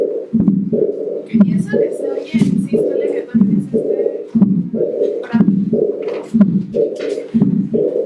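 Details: Simulated aortic regurgitation on Harvey cardiology simulator: diastolic murmur, the main finding, with a small systolic component.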